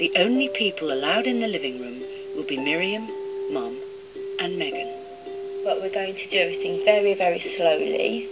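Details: Adult speaker; normal speech.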